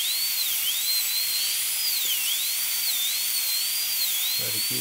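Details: High-speed dental drill whining steadily under a hiss of air and water, pitch dipping as the bur is brushed mesially and distally to break proximal contact on upper molar tooth #3, during a full zirconia crown preparation with a rounded shoulder.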